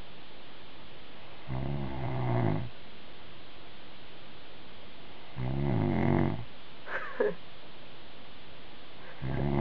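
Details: Man sleeping, who denies that he snores: low, rumbling snores on inhalation about every four seconds with quiet gaps between, described as snoring like a dragon; snoring.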